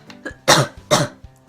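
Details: Adult giving two sharp, harsh cough bursts close together, with faint music in the background; cough.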